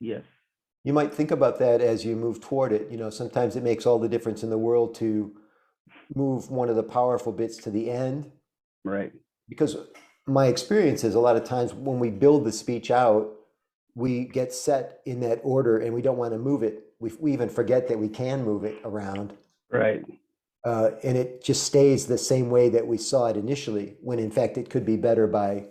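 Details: Adult male speaker; Normal fluent speech.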